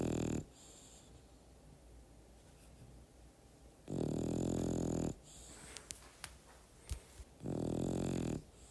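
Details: French bulldog asleep: two loud, low, rattling snores about four seconds apart over soft room noise, in an ambient sound mix.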